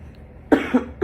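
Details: Single short, dry cough in a quiet room from a 17-year-old giving a demonstrative speech to a small audience; he thinks he is coming down with a cold, has a really dry throat and chronic coughing.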